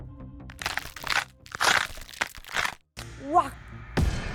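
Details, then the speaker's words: Loud, rough crunching and cracking bursts with knee movement over soft background music and a brief voice, from the knee of a patient with degenerative osteoarthritis (worn cartilage); knee crepitus. "네, 이 소리는 바로 관절염 환자 무릎에서 나는 관절 소리입니다."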